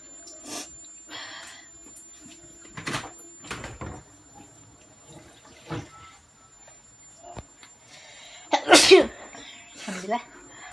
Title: Sneezing -Hot Spicy Food cook-off sneezing fits.